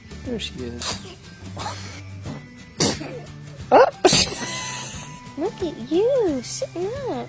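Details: Baby sneezing: several small, sharp sneezes amid coos and adult voices saying "bless you", with music in the background.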